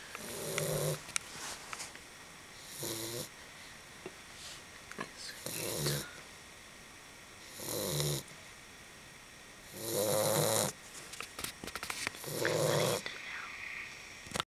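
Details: Repeated rough, fluttering snores, about six over fifteen seconds with quiet gaps, during sleep; the note 'like dog like owner' leaves unclear whether a dog or its owner is snoring.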